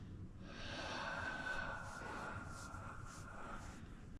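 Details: Man receiving a deep face, head and jaw massage, asked to take a big breath: a long, noisy, rough and airy breath through the nose lasting several seconds, a snorting exhalation.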